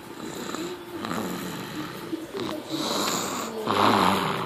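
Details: 7-month-old snoring during sleep: soft, snuffly snoring with a faint whistle on the breaths against a noisy background.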